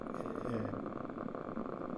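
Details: Quantitative needle EMG on a Sierra (Cadwell) machine as the patient increases contraction strength with the needle repositioned: dense, rumbling crackle of overlapping motor unit potentials; interference pattern slightly neurogenic.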